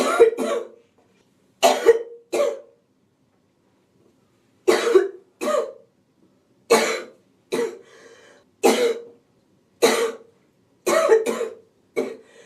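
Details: Woman sick with a cold: relentless harsh, hacking coughs in pairs and short runs, with a wheezy rasp and noisy in-breath; hacking cough with wheeze.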